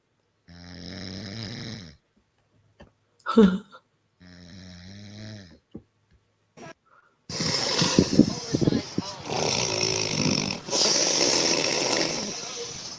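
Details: Woman snoring while asleep: two rattly snoring breaths with a brief snort, then loud rustling and handling noise drowning out the last part.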